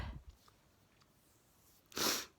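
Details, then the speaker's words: Person who sneezes daily and films the fits, caught sneezing just before bed while turning off the lights; a single sharp, hissing sneeze after a quiet stretch, faint room noise; sneezing. "I was just about to turn the lights off to go to bed started sneezing so quickly grab my phone"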